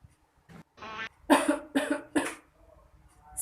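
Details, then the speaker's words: Short breathy lead-in then three loud harsh cough bursts muffled into the inner sleeve of the arm by a woman, a deliberate demonstration of proper cough etiquette covering mouth and nose. "makanya itu Tutup mulut dan hidung hai menggunakan lengan dalam bajunya jadi kayak gini"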